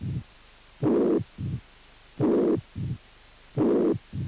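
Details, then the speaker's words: Mitral regurgitation: slow heart cycles, each with a long pansystolic murmur followed by a short, low diastolic rumble. "i insuficiencia mitral con soplos punk sistólica y retumbó diastólica"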